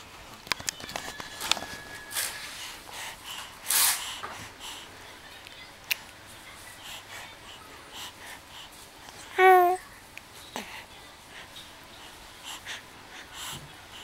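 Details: Baby being poked playfully on the cheeks and mouth in a quiet room: a single sharp breathy burst followed by a brief high-pitched infant vocal sound; an infant sneeze.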